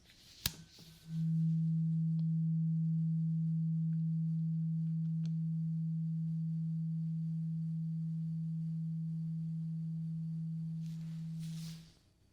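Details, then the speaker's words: Acted ASMR ear-exam roleplay, final tuning fork of three, test then ended with no issues found: a tap, then a steady low humming tuning-fork tone fading slowly over about ten seconds. "So yeah, we are done with the tuning fork. You did pretty good. Not seeing any issues there."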